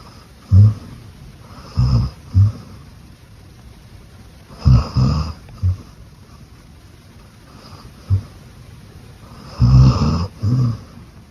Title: Cute Beagle Snoring in Her Sleep